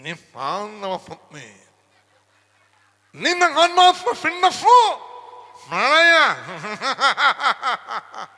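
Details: Imitated lisp: comedian imitates a short-tongued boy who lisps or stammers while singing, substituting consonants with 'g' sounds; articulation disorder (lisp), imitated.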